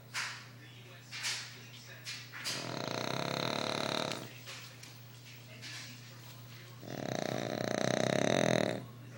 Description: Fat dog snoring very loud